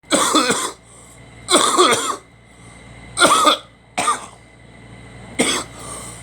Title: Me coughing